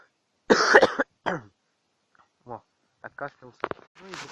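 Two short, harsh coughs from an adult, followed by a few fragments of ordinary speech.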